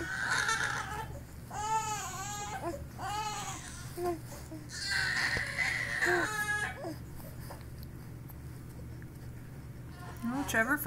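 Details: Infant lying on the tummy during tummy time: repeated wailing cries that rise and fall with breaths between, fading to fussing, over light room noise; infant cry.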